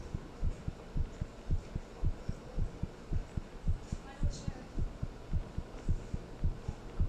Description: Heartbeat after talking with someone and then thinking about them after....